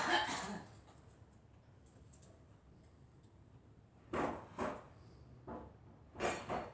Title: Girl coughing